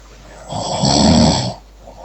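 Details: Person snoring: a single rough, rattling inhaled snore lasting about a second, with quiet room sound before and after.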